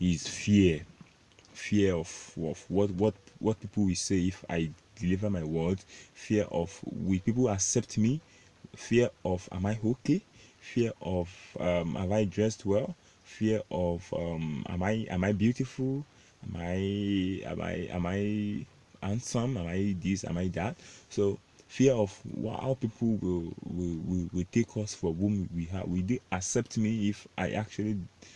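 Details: Stuttering (stammering) in an adult Nigerian male, self-described proud stammerer, with word repetitions.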